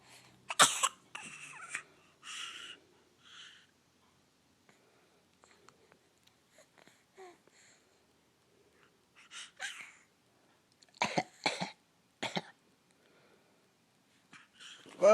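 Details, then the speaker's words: A young child makes short, deliberate fake coughs in two brief bouts separated by a quiet pause. "Is that your fake cough?"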